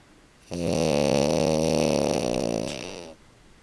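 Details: French bulldog napping on the couch, snoring as usual: one long, loud, rattling snore with a buzzing, fluttering quality, lasting about two and a half seconds in a quiet room.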